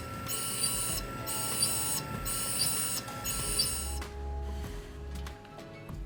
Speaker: 18 minutes later, in high definition, that's going to mill out that block.